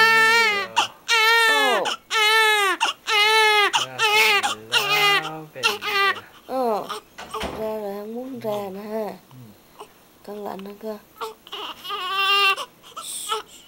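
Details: Newborn on its first day of life giving repeated high, wailing cries in short bursts with gasping pauses, an adult voice talking softly over them; an ordinary newborn cry.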